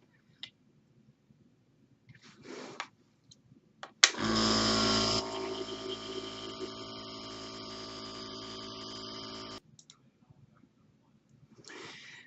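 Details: Jet nebulizer running for an asthma breathing treatment, used twice daily (morning and evening): steady hissing hum for about five seconds, with quiet breathing before and after.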